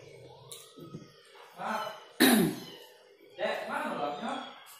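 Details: Sharp cough burst with throat clearing amid quiet speech while eating very spicy sambal with vegetables and fried tofu; speaker says they choked (keselak), runny nose and sweating from the spice; cough.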